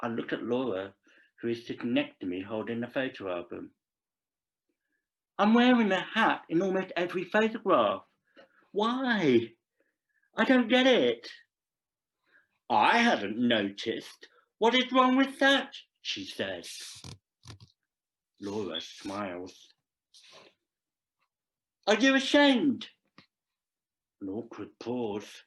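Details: Deaf adult male actor reading a scripted story aloud; deaf speech.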